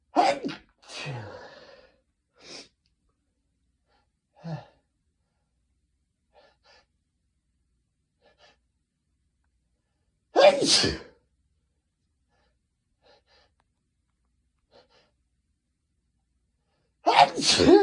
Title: Friday afternoon sneezing (m)